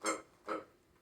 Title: Puppy Burps When Picking The Toy She Likes Best From Cat